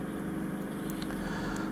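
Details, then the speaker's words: Continuous rushing, roaring suction close to the ear during endoscopic microsuction ear wax removal with a smaller, less powerful suction tube; ear microsuction noise. "uh so if I put the put the uh you've used the big suction tube it might be a bit loud down there and um so it's it's it's safer all around to use to find and despite it having a bit less power"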